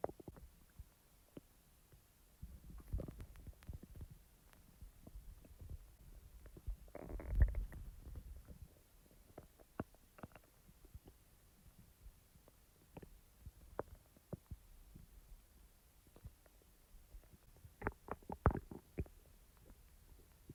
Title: Stomach Rumbling Sounds After Eating ⎹ soft + loud growls ♡